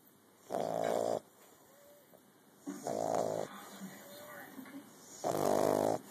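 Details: Bulldog puppy sleeping on a lap and snoring: three loud, buzzing, rattly breath noises every couple of seconds with faint squeaks between.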